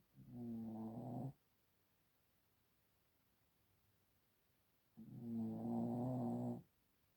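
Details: Snoring: two long, buzzing, rumbling snores about four seconds apart in a quiet room.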